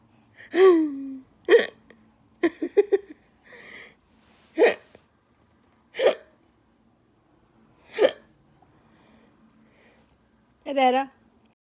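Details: A person laughing over hiccups: about six sharp, abrupt voiced gulps spaced a second or two apart, with a short laugh between them.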